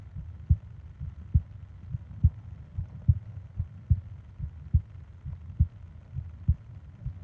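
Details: Regular low heartbeat thumps at about 70 beats a minute over a quiet background, used as a sleep ASMR recording with breathing sounds; a normal heartbeat.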